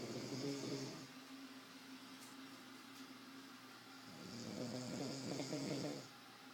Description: Identify this sound.. Cardiac,Pulmonary or Abdominal... or maybe just a drunk Ah sleeping in my bed